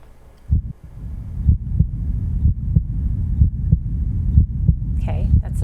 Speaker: normal heart. Love dub. Love dove. They taught us that in school. Love dub. Love dub. That's a heartbeating. 63 beats per minute.